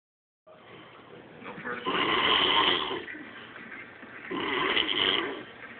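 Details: Loud snoring: two rasping, vibrating snores a few seconds apart, each on a long breath.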